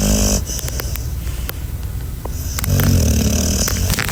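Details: Sleeping pitbull puppy snoring: loud, rumbling low snores with snorting breaths.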